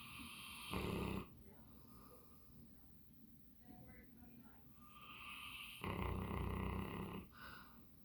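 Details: Two loud, low rumbling snores about five seconds apart with quieter breathing between; ordinary snoring in Max, a sleeping Bernese Mountain Dog.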